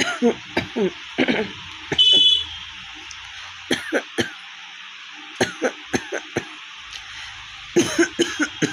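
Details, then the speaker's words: Real cough from a woman with a cold, sore hoarse throat and one week of fever: repeated short dry coughs in runs of two to five, about fifteen in all; persistent cough. "না, আমার কাশি আসবে, একটু পরে করাও। তো সর্দি করেছে না, গলা পুরো ধরেই আছে। 1 সপ্তাহ ধরে জ্বরে ভুগছি, 1 সপ্তাহ।"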